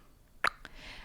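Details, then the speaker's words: An adult imitates the tongue clicking heard during breast or bottle feeding in a baby with a restrictive tongue-tie: two sharp mouth clicks, often mistaken for swallowing sounds. "on peut également entendre ce qu'on appelle un claquement de langue lors de la succion alors c'est valable au sein et au biberon également c'est à dire un espèce de petit clic"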